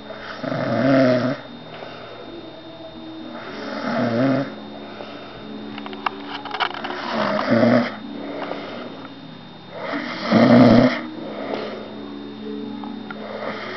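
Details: Adult who falls asleep as usual while visiting someone's house, snoring: loud, rumbling snores roughly every three seconds in a quiet room; snoring.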